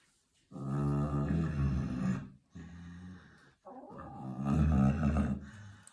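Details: A sleeping farm pig taking a nap gives three deep, rumbling, grunting snores in quick succession; loud snoring.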